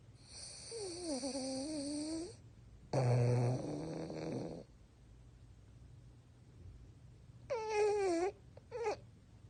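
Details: French Bulldog snoring with eyes open: irregular snoring breaths with whistling, moan-like tones and one low rattling snort.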